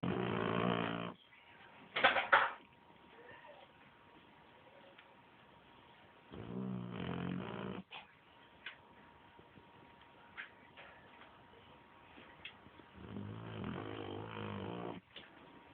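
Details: Loud fluttering snores on each breath, about three in 15 seconds, separated by quiet pauses in a small quiet room; snoring.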